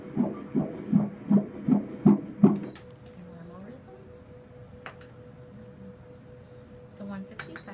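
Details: Rapid, regular whooshing pulses, about 158 a minute, then quieter room sounds: a fetal heartbeat heard during an ultrasound at 19 weeks 5 days of pregnancy.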